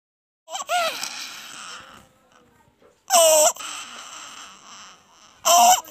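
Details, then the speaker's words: Inspiratory stridor in a crying baby, described as an abnormal low-pitched inspiratory sound that worsens with crying or feeding: harsh crowing noises on the in-breaths between cries. "what is strider strider it is an abnormal can you make out it is a abnormal inspiratory low pitch sound which exacerbates by crying or feeding"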